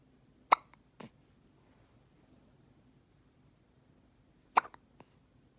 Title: Tillie with hiccups